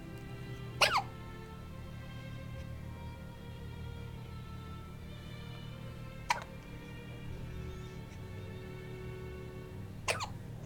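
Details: Six-day-old newborn girl who hiccups very often: three abrupt, brief hiccups several seconds apart over soft background music; newborn hiccups.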